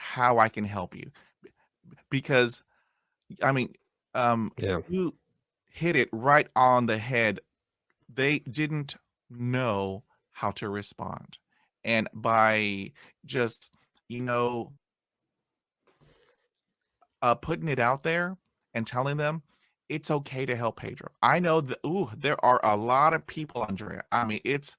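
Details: Stuttering in an adult man who still gets hung up on words after 20 years of speech therapy.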